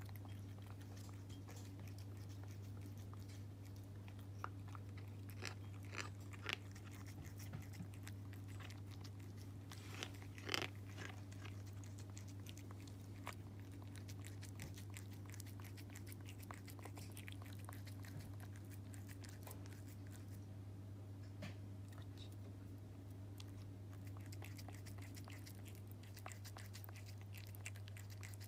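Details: Cat with Horner syndrome grinding its teeth while feeding: sparse faint clicks and crunches over a steady low electrical hum; bruxism.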